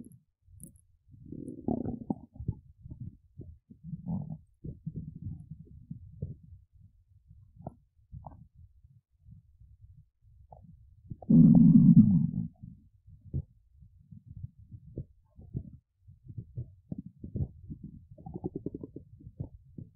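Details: Woman's belly, hungry and empty: low gurgling and rumbling abdominal sounds with one louder growl; borborygmi (stomach rumbling).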